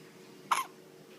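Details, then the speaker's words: Hiccups: a single abrupt, short voiced gulp in a quiet room. "You get the hiccups, huh? Oh. See?"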